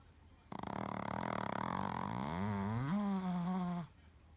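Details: Sleeping Shih Tzu dog: a single long, rattling snore shifting into a drawn-out whistling tone near its end; snoring.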